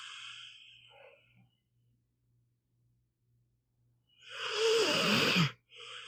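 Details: A pit bull dog snoring during an hour-long audio-only recording: snoring.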